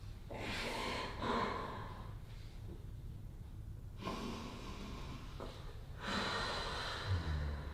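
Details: Repeated loud, noisy nasal breaths and gasps in uneven bursts, like snorting sobs with forceful nasal airflow, during an emotional release in a chiropractic adjustment, breath shifting from frustration and anger toward sadness and crying.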